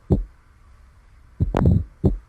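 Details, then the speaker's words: Teaching recording of mitral stenosis: S2, a slight delay, then a sharp opening snap followed by a decrescendo and later crescendo low delayed diastolic rumble; mitral stenosis murmur with opening snap. "right so i hope you're able to appreciate the s2 dub a little bit of a like a micro delay and then you hear the opening snap followed by the decrescendo and then later a little bit of crescendo delayed diastolic rumbling"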